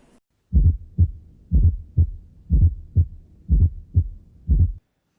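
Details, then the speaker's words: Auscultation demonstration of a fourth heart sound (S4 gallop): regular heartbeat near 60 a minute with a soft, low extra sound in ventricular diastole just before each first heart sound, described as always pathological. "y por último en cuanto a ruido corresponde a la diástole ventricular y se escucha justamente antes del primer ruido este ruido siempre va a ser patológico y se escucha de la siguiente forma"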